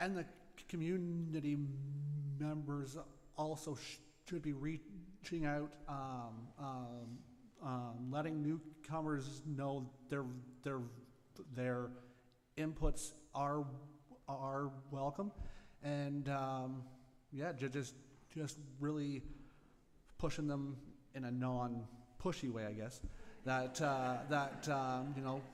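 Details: Adult woman, a candidate at a public meeting, who says she has a stutter; stuttering.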